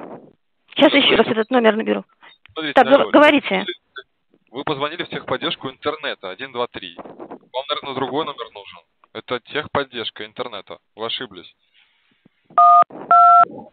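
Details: Adult speakers on a telephone call; ordinary conversational speech (telephone call).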